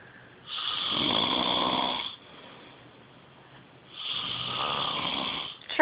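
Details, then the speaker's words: Two long, loud, harsh snores about three seconds apart with quiet pauses: heavy snoring of a sleeping person, recorded on a phone. "You should have heard yourself. I just videotaped your snoring."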